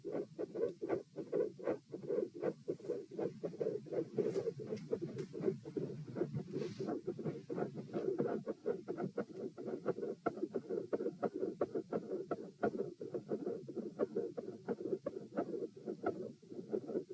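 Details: Stethoscope heart sounds at position P during a postural test (lying 78, sitting 84, standing 108, lying 78 bpm): beats at about 85 a minute, thumps partly buried in rustling contact noise.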